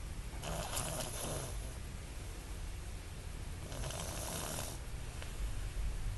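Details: Baby snoring.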